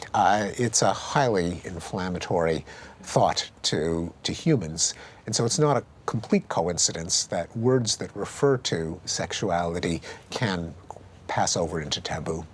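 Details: Adult male speaker; normal speech.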